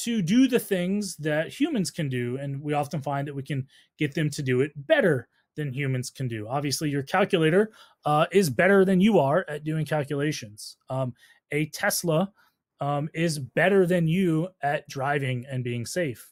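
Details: Adult male speaker; normal speech.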